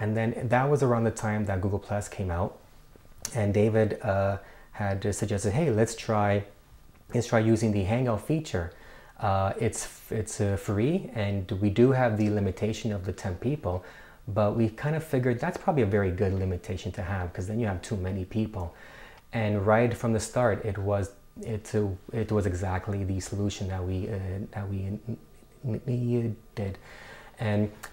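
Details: Adult co-founder of an online stuttering support group, a person who stutters, with audible repetitions; stuttering.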